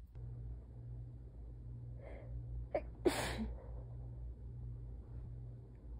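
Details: Sneeze recorded before an illness, from a sneeze compilation: a short gasping intake, then one sharp, hissing sneeze over steady room hum.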